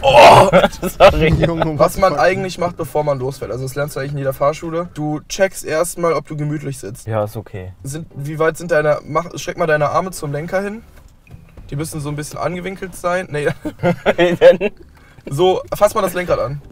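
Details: Adult male speaker; normal speech.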